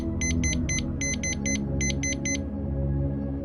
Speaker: a nuestro lado la máquina que monitorizaba sus constantes vitales comenzó a emitir un violento pitido indicando unos niveles muy fuera de lo normal